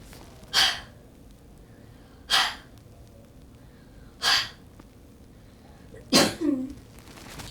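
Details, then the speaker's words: Huff cough by a cystic fibrosis patient during airway clearance with IPV (intrapulmonary percussive ventilation) and hypertonic saline, after five minutes of treatment: four short, breathy forced exhalations through an open throat, the last trailing into a brief voiced sound. "and then after five minutes sam would stop and huff"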